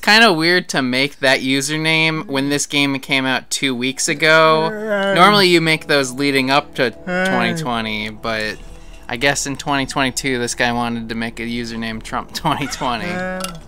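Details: Adult male speaker; ordinary speech.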